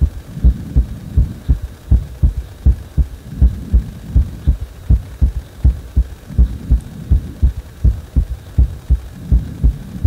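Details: Strong, regular, fast low heartbeat thumps over a steady hum, a heart speeding up on its own after compression; rapid heartbeat.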